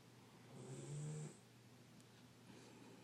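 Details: Sleeping Doberman dog: one soft, low snore lasting under a second, followed by quiet breathing; mild snoring.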